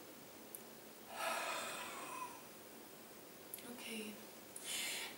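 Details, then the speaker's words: Patient doing a physiotherapy huff for chest clearance after several minutes of deep breathing: big breath in, shoulders down, wide open mouth, fast breath out; open-mouthed breathy huff, no phlegm or crackle heard; forced expiration technique. "So it's a big breath in, keeping the shoulders down, and then wide open mouth and a fast breath out."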